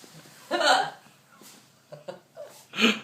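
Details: Hiccups in a woman after a few drinks, ordering a takeaway: short abrupt voiced gulps broken by quiet gaps, with faint room noise; sudden involuntary hiccup catches of breath.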